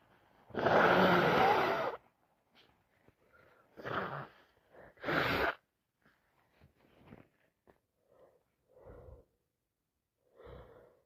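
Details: A long, loud wet sneeze, then several shorter bursts and sniffs, with nose blowing, on day 4 of a cold.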